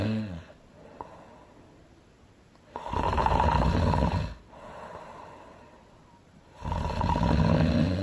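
Loud, rumbling snores alternating with softer breathing out, from a cartoon soundtrack.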